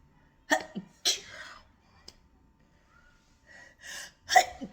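Several quick sneezes in a row with short breaths between, then a final loud sneeze: a sneezing fit.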